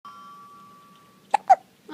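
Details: A 7-week-old baby with hiccups: two short, sharp hiccups about a quarter second apart, with a faint game tone in the background.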